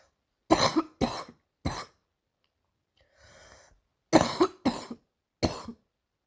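Two runs of three coughs with a breath drawn between them; repeated morning cough in short bursts.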